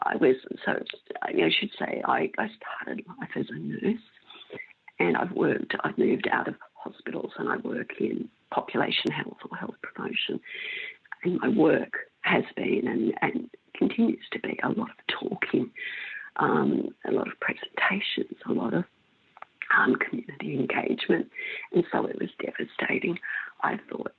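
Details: Woman with spasmodic dysphonia for about 16 years, both adductor and abductor types, treated with Botox in her larynx that stops some spasms; her voice may go in and out: spasmodic dysphonia, mixed adductor and abductor.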